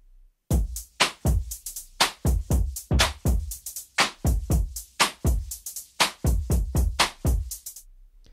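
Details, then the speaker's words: Cochlear implant hearing simulation of drums, from a user two years after processor activation with one functional ear: sharp, clearly audible beats with a thin, processed tone. "And here is the same sound that I hear through the implant. As you can hear, the sound is even less similar to the original than the baby's cry, but everything depends on the context."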